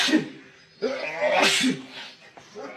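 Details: Sneezing fit from a male: several forceful sneezes in quick succession, each a sharp explosive burst of air.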